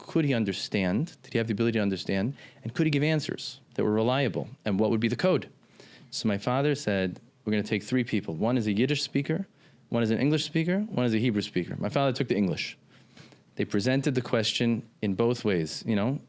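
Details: Adult man speaking; typical speech.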